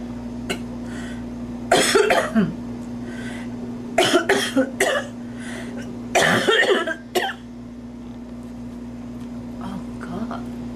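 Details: Mature woman with three bouts of harsh, repeated coughing and throat clearing while doing her makeup, which she blames on allergy.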